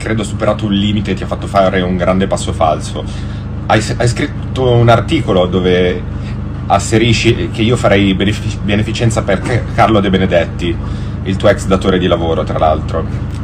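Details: Stuttering in a man who says it has been a problem for some time and that forming a sentence takes him a while; a commentator suggests it may stem from great nervousness after public controversies and a dispute with his wife.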